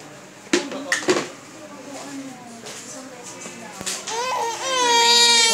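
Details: Four-month-old baby girl having her ears pierced; brief fussing, then a rising, high-pitched sustained wail with adult voices in the background.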